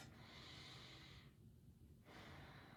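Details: Normal breath sounds heard by stethoscope during a nursing student's head-to-toe assessment of a person.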